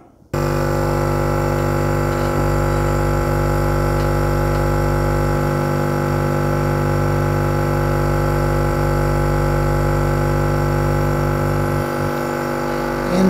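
Steady mechanical hum and buzz of a running nebulizer compressor throughout, with faint breathing beneath.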